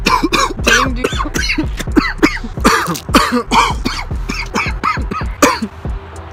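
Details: Coughing compilation: a rapid series of about fifteen harsh, short coughs, with background music; cough.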